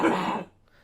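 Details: Dry cough from a man who says he has tuberculosis, treated with antibiotics and told he is not contagious.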